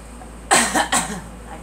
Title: Girl coughing